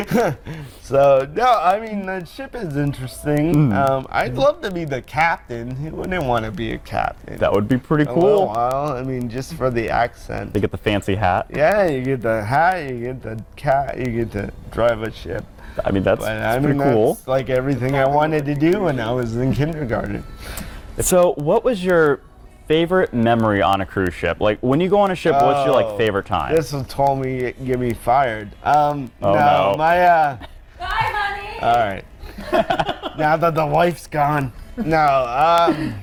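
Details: Adult man born with cerebral palsy, who says he sounds a little different because of it; dysarthria (cerebral palsy).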